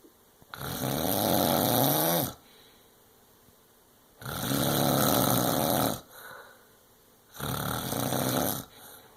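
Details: Loud, harsh rattling snores on each inhalation, about 18 a minute, with quiet pauses between: heavy snoring.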